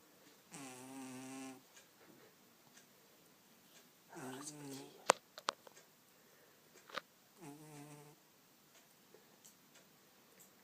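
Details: A sleeping cat, possibly dreaming, snores with three soft, buzzing breaths several seconds apart, with scattered clicks and faint room noise; it snores like this all night.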